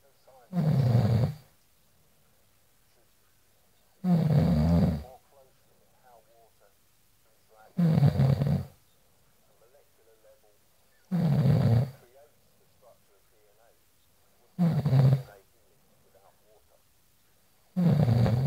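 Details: Man snoring heavily: loud, deep, rattling snores about every 3.5 seconds, roughly 17 per minute, with quiet gaps between.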